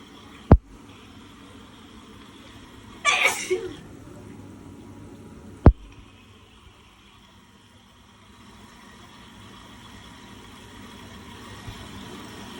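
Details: Ordinary sneezes recorded in the shower: a sharp burst of sneezing with a short follow-on, between sharp knocks, over steady running-water noise.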